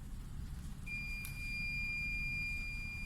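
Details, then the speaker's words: TOP infusion pump training demo: steady high-pitched electronic alarm tone over low room hum, because the preset total volume is lower than the infusion rate; infusion pump alarm. "Okay, this one is this alarm actually to indicate your total volume set. Preset is actually lower than the infusion rate."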